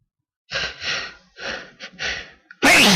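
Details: A natural, unprovoked sneeze caught after two days of waiting: several rising, breathy, desperate gasping inhalations build up, then an explosive sneeze bursts out.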